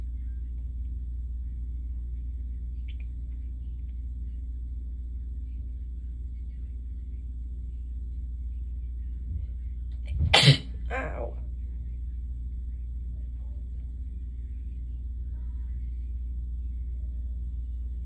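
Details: Surprise sneezing fit, recorded after feeling a sneeze coming: one sharp, explosive sneeze with a brief trailing burst over a steady low room hum.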